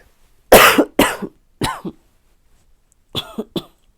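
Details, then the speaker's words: Adult woman in COVID-19 quarantine recovering with a lingering cough: about six short coughs in two runs. "as you can see i still have a little bit of a cough so i did a lot of the recording for this video on day number eight of quarantine"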